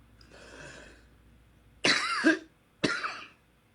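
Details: Adult, whose voice is affected and who is due to see a specialist, takes a soft breath in, then gives two abrupt, harsh coughs about a second apart, the first throaty and clearing, in a quiet room.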